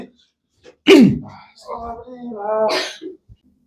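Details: A single loud, abrupt sneeze burst followed by brief voiced sounds, during a chiropractic session for disc and sciatica pain; an ordinary sneeze.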